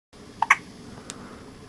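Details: Two-day-old baby girl, sleepy, gives two quick, sharp, high hiccups close together, then a fainter one, against quiet room noise; the mother felt these hiccups inside her belly during pregnancy.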